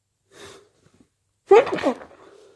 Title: stifles nose blows and strong wet sneezes